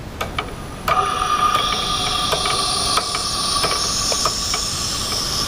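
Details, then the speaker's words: Oxygen-driven nebulizer set to 8 L/min, with solution in the reservoir and a mouthpiece, starting to vaporize before being given to the patient: steady hissing aerosol flow with a few clicks and handling noises. "can start to see it vaporizer so now we'll administer it to the patient and you want to instruct the patient to take a deep breath hold it in as long as they can preferably up to about ten seconds and then exhale slowly"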